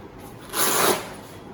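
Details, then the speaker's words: Patient monitor non-invasive blood pressure (NIBP) demonstration: after the NIBP button is pressed, the small pump gives a brief rising whirring rush as the cuff starts inflating; normal device operation. "And this is the NIBP button. Once it is on, it will start increasing. That means the pump is pumping the curve."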